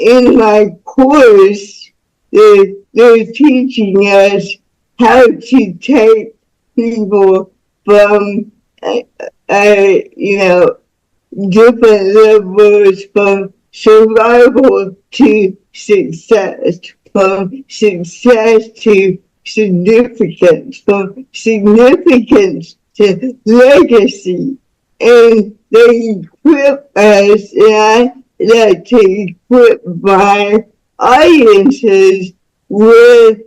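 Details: Woman about to turn 49 with cerebral palsy since birth, which she attributes to being born with the umbilical cord around her neck five times; real, unacted speech; dysarthric speech in cerebral palsy.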